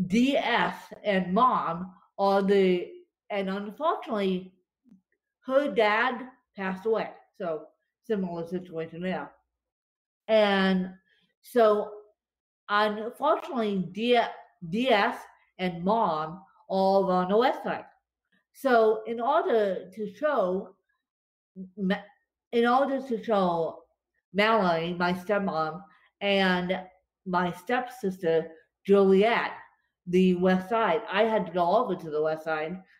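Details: Dysarthria in a woman with cerebral palsy affecting her limbs and brain; she describes being tongue-tied from her cerebral palsy today, after a bad spasm day.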